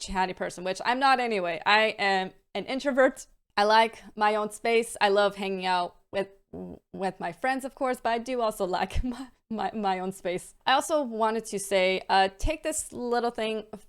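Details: Adult woman with a stammer involving repetitions, prolongations and blocks, varying day to day and worsening with stress and mental state; stuttering (stammer).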